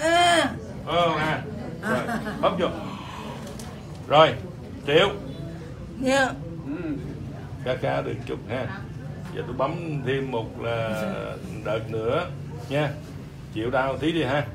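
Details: Adult male practitioner; normal speech.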